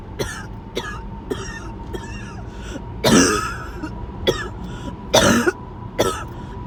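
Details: Sudden, unprovoked fit of repeated harsh, forceful coughs and throat-clearing bursts with gasping between them, over a steady background hum: harsh coughing and choking.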